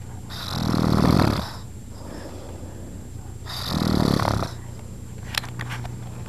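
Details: Adult man (stepfather) snoring, again: two loud, rough, rattling snores on breathing in, with quiet exhalation between; ordinary snoring.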